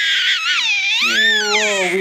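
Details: 6-week-old baby boy with hiccups, crying loudly and continuously with a high, wavering pitch that rises and falls; an upset infant crying bout.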